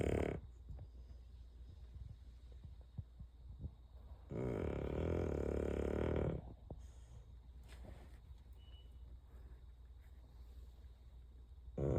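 A loud, rough, rattling snore on an in-breath, with quieter snuffling breaths around it; a sleeping dog snoring.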